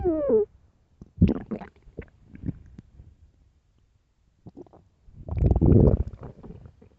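Low gurgles and squeaks, then a long deep rumble in a quiet room: stomach growling from hunger.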